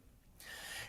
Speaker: So you know that when people have a cardiac arrest a bunch of people have agonal breathing that means they can still be saved and it's pretty horrible but once you hear it you're never going to forget it.